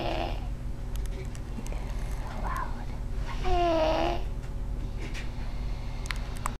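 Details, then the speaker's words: A sleeping baby boy, stated not congested, snoring as he usually sleeps: a single soft, squeaky, tonal snore over steady room hum; infant snoring. "Okay, so we hear this sound. I think it's the baby crying. It's him snoring."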